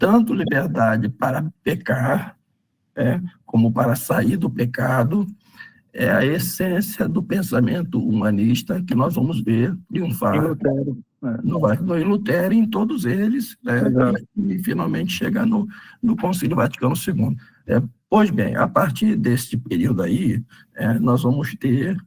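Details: Adult male with spasmodic dysphonia treated with toxin injections; voice worse than at the previous recording as the toxin wears off 3–4 months after injection, with the next injection due in early July; spasmodic dysphonia.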